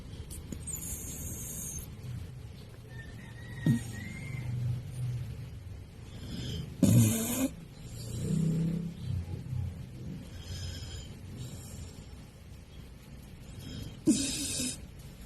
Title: SNORING DOG || CHLOE